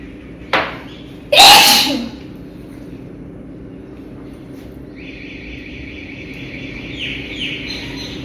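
A short sharp intake followed by a loud explosive burst, then room noise with faint chirping; a single sneeze.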